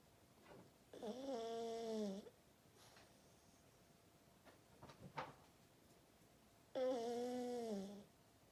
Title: Just a snoring pug!